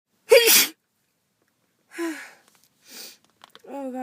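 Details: Person with a cold, congested nose, sore head and throat; one loud, explosive sneeze, then quiet breathy sounds.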